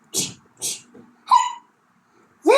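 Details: Cartoon (Peppa Pig story) audio, not a real patient: two breathy sneeze-like bursts, then short voiced sounds from a cartoon character, in a story about hiccups from drinking orange juice too fast.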